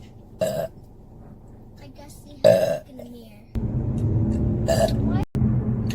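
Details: Adult woman belching, burp compilation; three loud, throaty belches over a few seconds with room noise and faint talk; burping.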